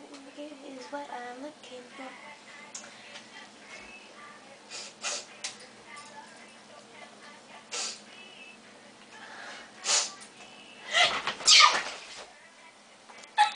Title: The Massive Sneeze